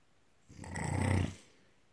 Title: Snore! Crank it up!